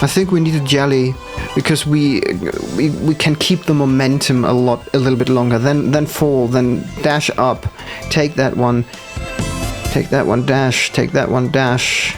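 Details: Stuttering with audible repetitions in a male gamer, who says it appears when he must focus hard, especially on demanding parts not yet in his muscle memory.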